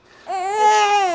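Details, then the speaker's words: Single sustained, high-pitched, tonal cry from an infant less than a month old, described as constantly in pain despite mother trying everything; distressed infant crying. "Dr Paul here this little one is less than a month old and is constantly in pain so we're gonna go talk to Mom she's tried everything and uh it's not fun huh I've been in here trying to calm this little one for a while"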